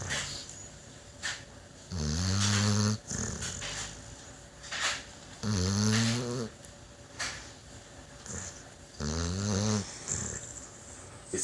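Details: Pit bull dog snoring: loud, low, rattling snores on each in-breath, about 17 breaths a minute, with softer exhalations between and faint background talk.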